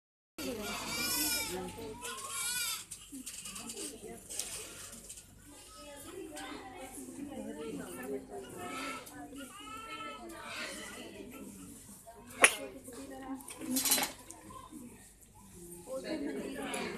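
Thin, high, bleating cries of a newborn in its first moments, with adult voices in the room.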